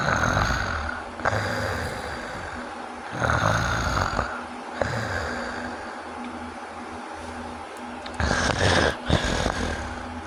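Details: Loud, harsh, rattling snoring with snorts and uneven bursts; snoring of obstructive sleep apnea.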